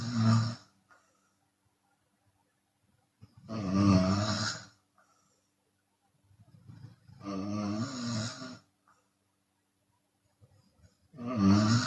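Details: Chinese woman snoring with open mouth, sometimes on the exhale: loud, rough, rattling snores about 16 a minute with silent gaps between; open-mouth snoring during sleep.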